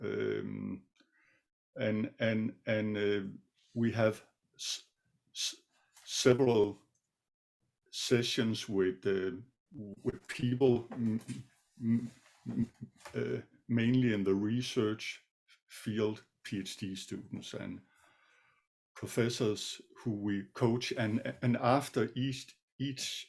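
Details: Stuttering in an adult co-presenter who says he sometimes stutters; part-word repetitions and a filler are heard.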